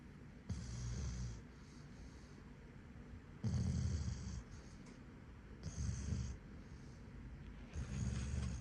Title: Snoring German Shepherd #germanshepherd #puppy #cutedogs #cutepets #funny